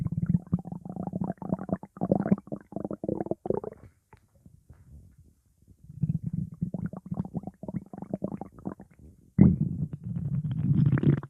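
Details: Stomach growling recorded at hospital: bursts of low gurgling and bubbling bowel sounds from the belly, separated by a quiet gap; borborygmi.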